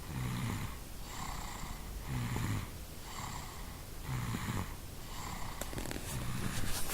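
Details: Steady rhythmic snoring: a low rattling rumble on each breath with a hissing exhale between, about six breaths in seven seconds.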